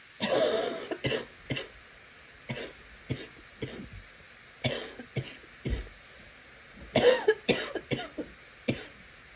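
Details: Girl coughing: about a dozen short, harsh coughs in several bursts, some with throat clearing, in a small quiet room.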